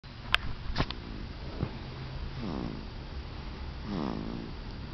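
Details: Sleeping pet recorded May 3, 2006: after a few clicks and knocks, two slow, low, rattly snoring breaths; ordinary snoring.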